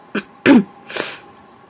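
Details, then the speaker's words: A quick in-breath, then one sharp, explosive, self-induced sneeze from someone whose eyes are watering, followed by a trailing breathy exhale; an ordinary sneeze. "so i gotta get this sneeze out i may not be good at making sneezes come out right now but sure i'm good at making my eyes water"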